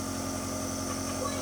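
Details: Home nebulizer compressor running during inhalation treatment for cough: steady mechanical hum with a low buzzing tone.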